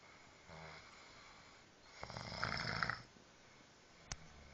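One rough, vibrating snore lasting about a second in a quiet room, with a faint click afterward; ordinary snoring.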